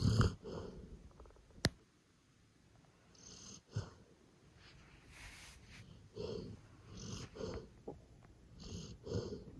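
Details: Sleeping golden retriever: soft, low rumbling snores and breathy exhales with a few faint clicks; ordinary snoring.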